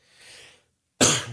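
A brief pause, then one short, harsh cough burst like a quick throat clearing: a lingering cough after a cold.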